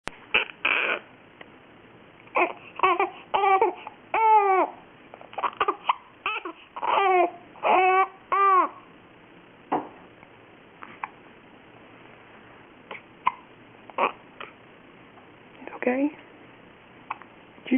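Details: Infant fussing and crying in short wails, with brief sharp hiccup sounds recurring at irregular intervals.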